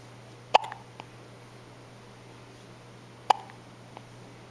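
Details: Newborn girl, less than twelve hours old, lifting her head, with her first hiccups: two sharp, brief hiccups about three seconds apart in a quiet room.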